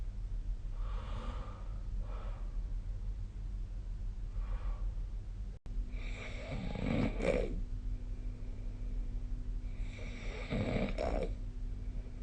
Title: 🐽 いびきの音 / Snoring Sleep Sound 2025/05/17